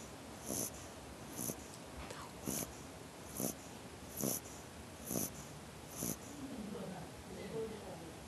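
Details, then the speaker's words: Sleeping dog snoring, possibly with a cold and blocked nose: regular snorting, wheezy breaths at about 68 a minute over steady background hiss. "是他好像有点感冒，鼻塞有才会那么声音。"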